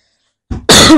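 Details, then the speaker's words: One short, forceful cough from an adult speaker, preceded by a brief throat-clearing sound, in a quiet room; the speaker blames the weather turning cold. "ببخشید الان دیگه هوا سر شده منی سرفه میکنم"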